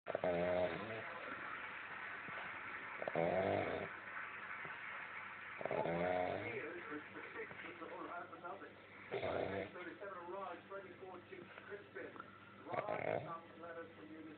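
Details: Sleeping dog: repeated low rattling snores with some whistling breaths, about 20 a minute, over a steady background hum; snoring.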